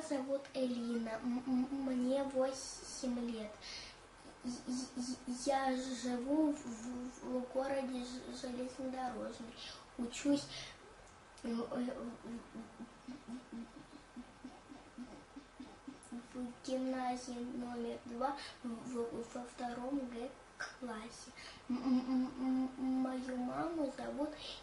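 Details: Stuttering in a second-grade girl, one of several children shown before and after stuttering treatment.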